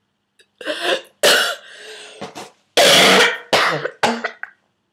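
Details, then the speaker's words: An adult at home in week 5 of whooping cough, taking codeine liquid and using a vaporiser, has a morning string of harsh, dry coughs and throat-clearing in quick succession: a pertussis coughing fit. "so yeah I'll te it off after this coughing fit bit stops in the morning open the window let some air in uh to the room"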